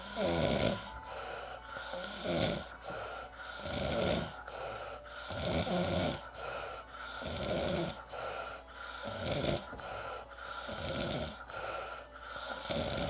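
Regular rattling snores with each breath, about 17 breath cycles a minute, and steady background hum. Ordinary snoring.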